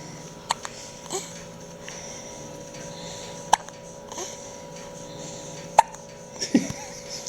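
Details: Newborn baby girl about 2 hours 45 minutes after birth, following a large first feed: sharp brief hiccups recurring every couple of seconds, about four in seven seconds; big hiccups.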